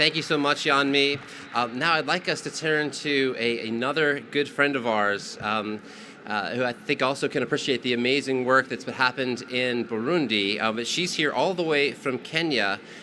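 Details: Adult speaker; Normal speech.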